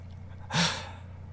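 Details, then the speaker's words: Snoring from a sleeping dog: a single noisy breath with a low rattling tone over faint room hum. "alex says is that the dog i can hear snoring yes yes it is"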